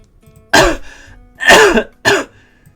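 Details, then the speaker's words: A 29-year-old adult still recovering from COVID-19 with a lingering cough: three harsh, abrupt coughs, the middle one longer and voiced. "You might still hear it in my cough. at least somewhat."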